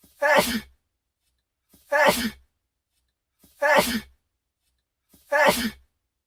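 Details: The same single voiced sneeze repeated four times at even intervals, a loop of one recording.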